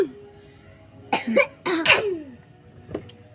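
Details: Voluntary coughs from an adult asked to cough because a young child is scared of cough sounds: two pairs of short, loud deliberate coughs, then a faint single cough.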